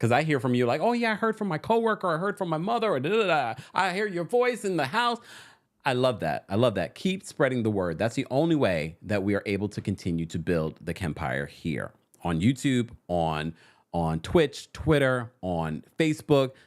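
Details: Adult male speaker; normal voice.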